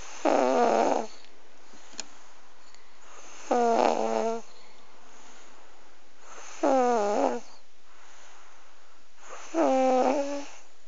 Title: Snoring baby